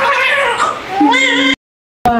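Short high-pitched wailing cry of a newborn just after birth, then a pause and another cry; a normal first cry.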